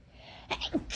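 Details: Induced sneezing from a person whose nose felt more sensitive than usual that day: faint background hiss, then a brief sharp sneeze-like burst with a small voiced catch at the end.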